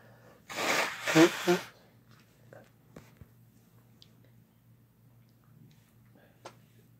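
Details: Sneeze from a male or female adult: one loud sneeze with a snorting burst, then quiet with low background hum.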